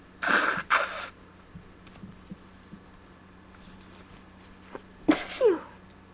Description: I had a small tickle.